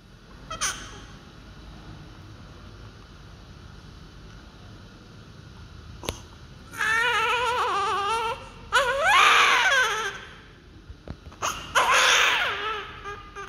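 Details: Healthy newborn baby under doctor's care: loud, strong crying bursts after a quiet start, with a few clicks and rustles; a vigorous healthy newborn cry.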